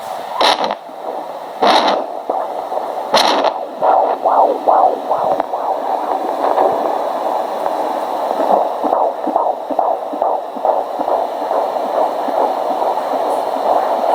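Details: 18 weeks pregnant, 35-year-old first-time mother of a boy, no fetal movements felt yet, home fetal Doppler with gel: fast rhythmic whooshing fetal heartbeat about 150 a minute after loud probe scrapes.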